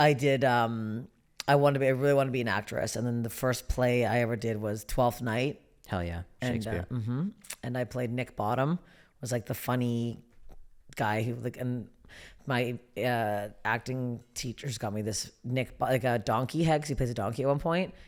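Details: Adult speaker; typical speech.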